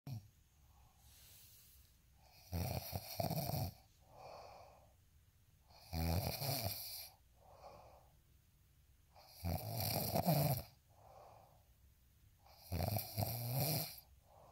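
Loud, rattling inhaled snores, each followed by a softer breath out, about four snore cycles in fifteen seconds.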